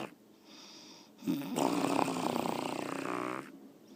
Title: More Snoring Girlfriend